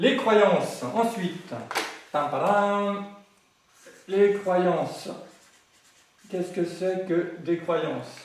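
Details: Adult man, French-speaking, who has grown up with stuttering over several decades and says he now manages to speak through it; finding: stuttering.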